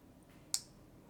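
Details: A single sharp, loud click in a quiet room: a transcranial magnetic stimulation coil pulse over the left motor cortex, making right-hand fingers twitch during a depression treatment demonstration.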